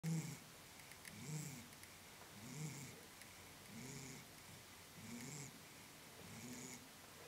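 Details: Snoring with eyes open: soft, regular, low snoring breaths about every 1.2 seconds, roughly 48 per minute, in a quiet room.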